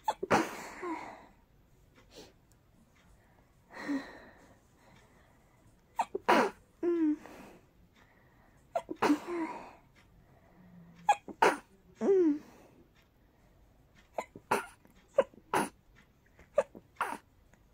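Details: A person's very tickly, very rapid sneezes: a rapid run of repeated sneezes, some with short catching intakes before them, in a quiet room; a sneezing fit.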